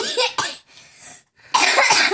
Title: Drawing and cant stop coughing